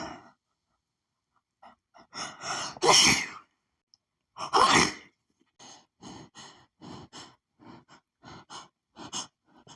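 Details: Person who lately sneezes at nearly every perfume scent: two loud sneezes, then about a dozen short, rapid, hitching bursts in quick succession; a perfume-triggered sneezing fit.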